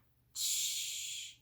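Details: Demonstration of a laterally produced 'sh' sound, the part of 'ch' that is affected in a lateral lisp; lateral lisp.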